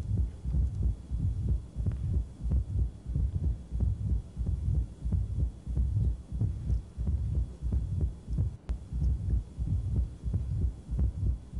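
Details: Severe mitral stenosis heard after a moderate case, with the interval between the second sound and an opening snap (possibly simulated) discussed.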